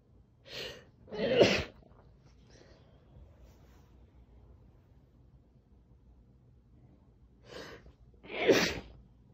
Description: Muffling my loud sneezes by pressing my face into a towel.